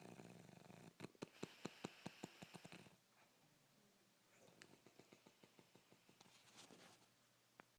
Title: Snoring like a motorcycle